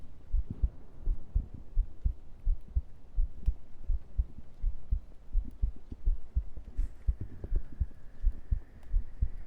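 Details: Normal heart sounds picked up by a sensitive microphone against the chest: steady, regular heartbeat thumps at about 85 beats per minute.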